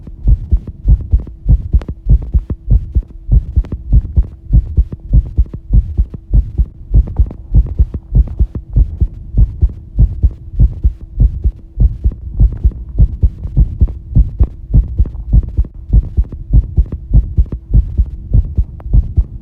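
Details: Fast heartbeat recorded as the heart began pounding: steady, regular, low thudding heart sounds at about 100 beats a minute, a quickened but even rhythm.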